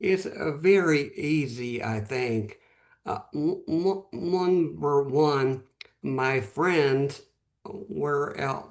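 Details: Post-stroke aphasia in a man, stroke 11 months earlier; at first could say only one word.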